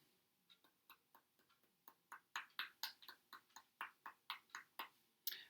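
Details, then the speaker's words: Finger percussion by a nurse demonstrating sounds on an assistant: series of short taps producing a dull note, as over muscle, shorter than resonant but longer than flat; generated at a non-standard site. "a dull sound is um usually over muscle kidneys so for instance this is not where you normally would be percussing but i'm going to generate the sound"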